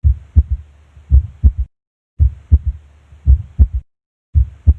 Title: THIRD HEART SOUND, S3 – APEX [PHYSIOLOGICAL] | HEART SOUNDS | AUSCULTATION | MURMUR